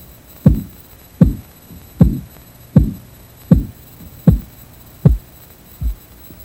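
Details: Korotkoff sounds from a blood pressure training example: regular soft thumping taps at about 79 a minute over a faint hum while the cuff deflates; the first sound marks systolic and the last diastolic pressure.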